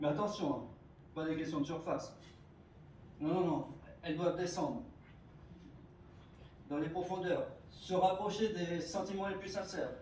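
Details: Adult speaker, French, giving a speech; stuttering.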